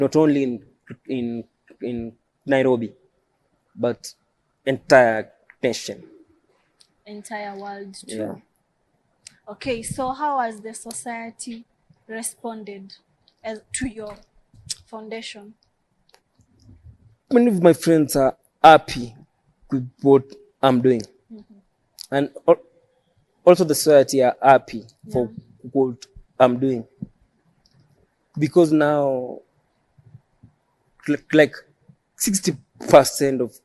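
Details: Adult male who stammers, self-described as neurological and present since birth. Finding: stuttering.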